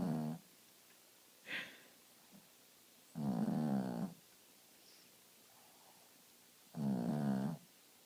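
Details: Dog snoring in deep sleep: rough, rattling breathing noises about every three to four seconds in a quiet room.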